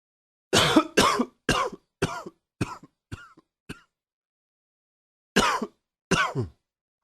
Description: A tickle that created some harder coughing.